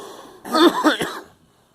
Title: Girl coughing